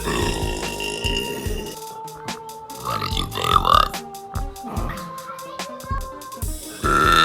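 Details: Girl burping: several loud, drawn-out belches over background music; ordinary burping.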